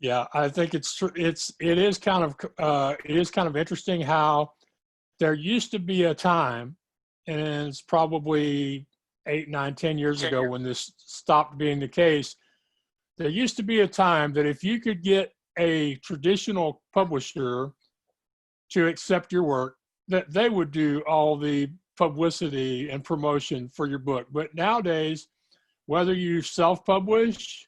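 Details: Adult speaker; normal speech.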